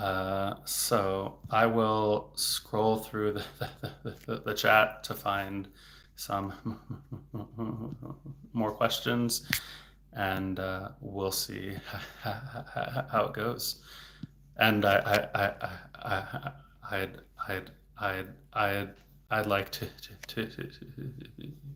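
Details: Stuttering in an adult male speech-language pathologist who has stuttered since age eight, worse since his teens and currently in a period of stuttering more, with word and part-word repetitions and blocks.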